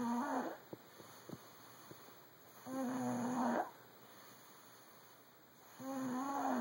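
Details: Snoring: rhythmic low, fluttering snores on the in-breath, about three in six seconds, with quiet pauses between.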